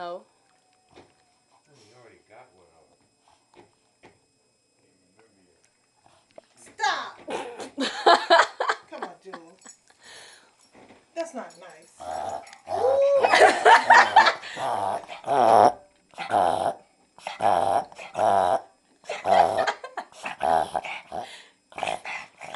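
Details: Dog's recurring reverse sneezing episode: rapid, repeated honking snorts drawn inward.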